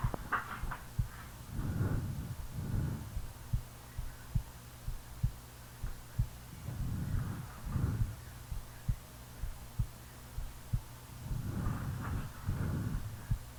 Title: Real heartbeat and snoring